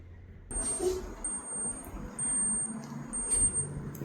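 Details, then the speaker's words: Digital thermometer placed in the patient's armpit during a vital-signs demonstration; repeated high-pitched beeps signal a finished reading of 36.2 °C. "Como pueden observar, ya tenemos la temperatura de nuestro paciente, que en este caso figura como 36.2."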